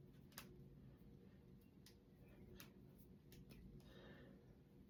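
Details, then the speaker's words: Knuckle cracking just after waking, finger joints described as stiff: several sharp, brief pops over quiet room noise. "And I'm going to crack my fingers. And I just woke up, too, so these knuckles are a little bit not hard to crack, but stiff."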